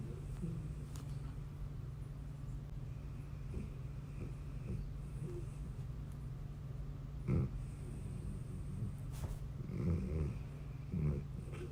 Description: Dog snoring